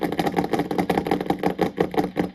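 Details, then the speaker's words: Needle EMG in a muscle of a patient being checked for tremor type, dystonia or muscle cramp: rhythmic, engine-like grouped bursts of muscle firing, a tremor of extremely variable rate, sometimes fast, sometimes slow. "So you can hear a tremor, but it's extremely variable. It can go fast like this. It can go slow."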